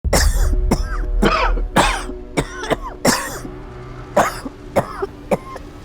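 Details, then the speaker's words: A 65-year-old female Army Gulf War veteran who maintained chemical equipment, with a dry hacking cough for 28 years since the war, sometimes coughing up blood: a run of about ten sharp, dry coughs. "I first noticed my cough right after the Gulf War I was in the army my job was to maintain the chemical equipment but in the beginning I thought this dry hacking cough was normal"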